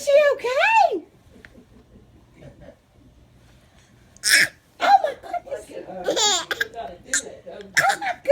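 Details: Infant fake-coughing for attention: a few short, deliberate cough-like bursts mixed with squeals and laugh-like sounds; voluntary cough.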